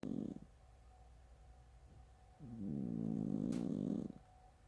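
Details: A sleeping cat gives low, buzzing, fluttering snores with a rattly rumble on the in-breath that sounds like passing wind: snoring.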